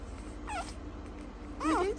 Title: Cleft Palate Frenchie Puppy fussy after being tube fed